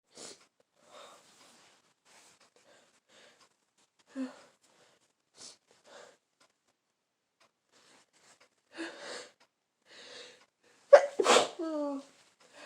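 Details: Adult with a full-blown cold caught over Christmas: several sniffs and short breaths building up, then one loud sneeze with a vocal ending.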